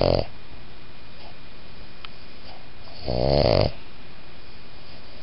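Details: A sleeping small Boston Terrier/Pug designer-mix dog gives a loud, coarse, low-pitched rattling snore at the start and another about three seconds later, called a whisper snore; snoring.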